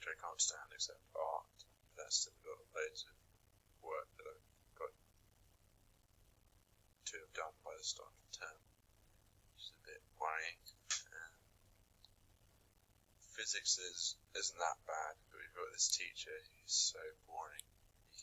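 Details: Real stammered speech from a UCL research repository, with blocks and disruptions; stammering is noted as more likely under pressure or stress; stuttering (stammer).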